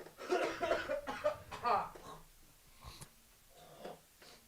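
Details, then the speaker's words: Noisy breaths with a musical, whistling edge: an audible smoker's wheeze from an adult man who smokes throughout the show. "damn you hear that Smoker's wheeze dude yeah hold on one second"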